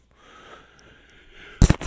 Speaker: excuse me folks hope that didn't blow you out with a sneeze